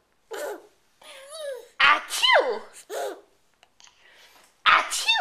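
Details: Male about nine and a half months old recorded on a Flip Video camera: several short, sharp sneezes with squeaky vocal sounds, an adult talking nearby.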